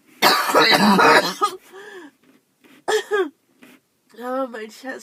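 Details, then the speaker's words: Loud coughing burst, then strained vocal sounds and smaller coughs from a girl who hoped it was only allergies and says it hurts; a coughing fit. "I thought it was just allergies I really wanted it to just be my allergies"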